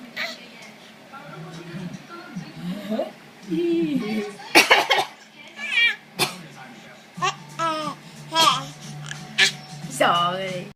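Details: An adult mother makes playful pretend coughs in short bursts while her 4-month-old baby laughs and babbles between them; imitated cough.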